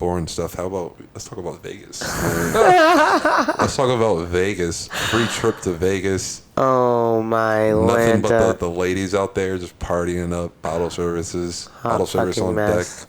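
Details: Adult speaker; Normal voice.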